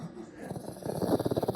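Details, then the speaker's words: Dog snoring: rhythmic, rattling snore pulses rising in loudness over a second and a half while the owner repeatedly tells her not to snore. "Não ronca para mim não ronca. Não ronca, ô não ronca para mim, não ronca. É assim que ela me trata."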